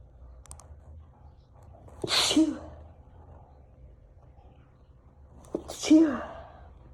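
Two sharp sneezes, each a quick intake then an explosive burst, in a quiet room.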